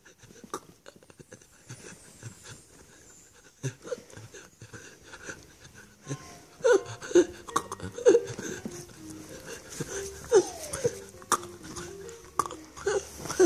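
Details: Josh's fourth generalized tonic-clonic (grand mal) seizure of the day: irregular grunting, strained vocal sounds and gasping breaths in bursts.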